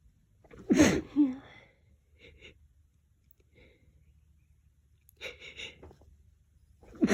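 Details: Person sensitive but not allergic to lavender puts their face in a lavender-scented pillow: a sharp, forceful sneeze with a quick follow-up, sniffing, then another sneeze starting; repeated sneezing.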